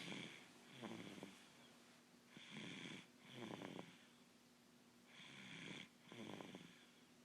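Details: Tired sleeper snoring: regular breaths with rattly inhalations and soft whistling exhalations, about 20 breaths a minute.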